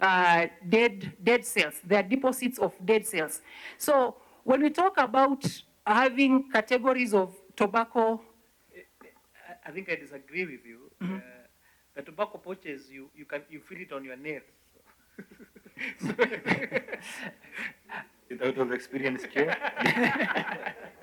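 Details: 69-year-old man, a throat cancer survivor whose voice was removed, speaking with an electrolarynx placed on the throat that produces his voice (electrolarynx speech).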